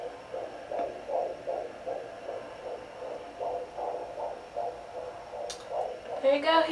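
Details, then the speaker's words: Fetal heartbeat on a Sonoline B pocket fetal doppler used at home by the pregnant mother on her left side: fast, rhythmic galloping whooshing beats about 140–150 a minute over steady hum, voice at end; baby kicking noted. "and what you're looking for is like a galloping sound"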